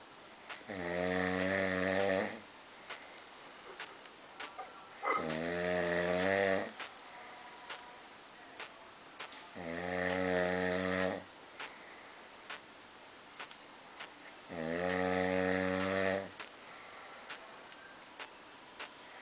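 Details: Snoring: four loud, droning snores on inhalation, about 13 a minute, each under two seconds with quiet breathing between.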